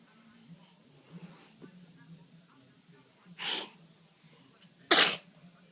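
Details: A young child putting on a sock sneezes twice: two sharp, explosive bursts a second and a half apart over faint room murmur.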